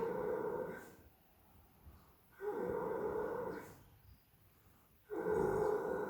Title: snoring